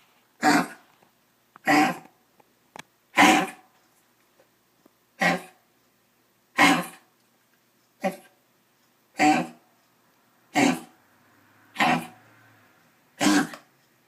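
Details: Dog with kennel cough: ten short, harsh, hacking coughs at irregular intervals.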